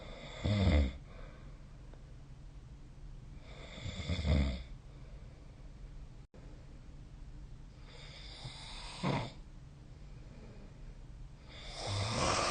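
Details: Snoring during sleep: low, rumbling snores every three to four seconds, about 16 a minute, over steady room hiss.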